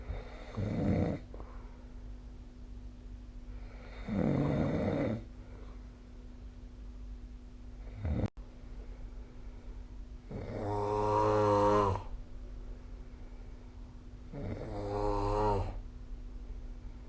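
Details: Snoring recorded on a phone with the SnoreLab app: four snoring breaths over about 17 seconds, the later ones loud and buzzing with a rattling tone, over a steady low room hum.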